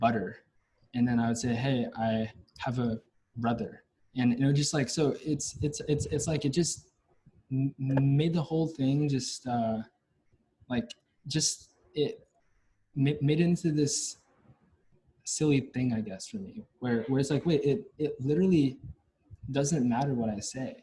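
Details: Stuttering in a young adult male university senior, onset at about age five or six, with blocks; his biological father and maternal grandfather also stutter.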